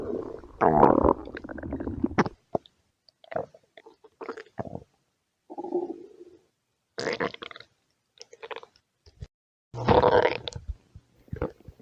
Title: 5 minute of my stomach growling #53